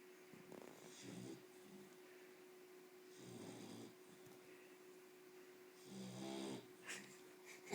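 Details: Snoring: three soft snoring breaths over a steady background hum.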